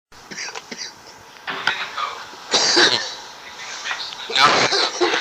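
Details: Several harsh, dry cough bursts with hoarse throat clearing from an adult man after taking large hits of smoke, on a prank-call recording.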